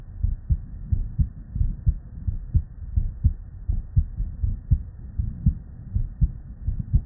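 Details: Real, unedited normal human heart sounds (S1 and S2), recorded at the bedside from multiple patients with normal cardiac physiology and looped seamlessly.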